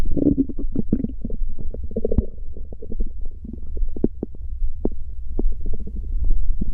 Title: Stomach growl. Gururururu... The sound won’t stop.